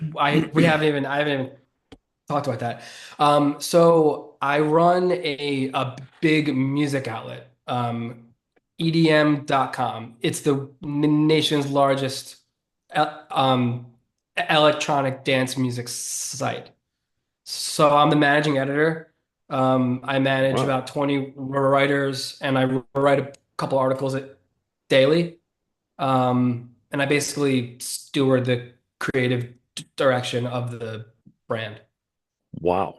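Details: 33-year-old man who has stuttered since about age seven or eight; he calls it predominantly neurological and relatively normal, not severe. Finding: stuttering.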